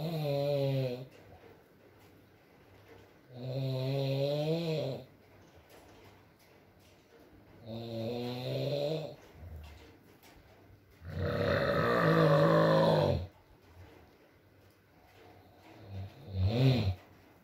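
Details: Sleeping adult man: repeated drawn-out, droning snores about every four seconds, about 15 a minute, in a quiet room with rain in the background in an ASMR recording; snoring.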